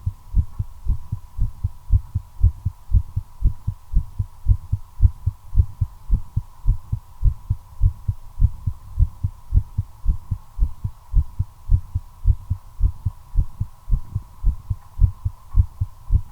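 Fast, regular heartbeat thumps of about 110 beats a minute, a quickened heart rate after nicotine.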